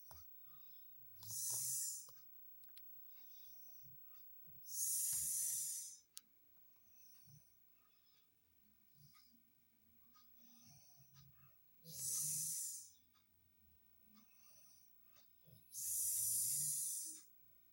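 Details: Four high-pitched, whistling hisses on breathing, several seconds apart in a quiet room; an unusual whistling snore.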